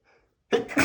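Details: Sneeze while reading a book aloud, after repeatedly saying "I gotta sneeze": a faint intake of breath, a short pause, then one abrupt, forceful sneeze.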